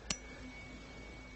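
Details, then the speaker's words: Tuning fork struck then placed on the mastoid for the Rinne test during cranial nerve VIII hearing exam, after Weber test heard in the middle; sharp strike then faint steady pure tone. "placing it back on the mastoid can you hear that mhm can you tell me when you can no longer hear it"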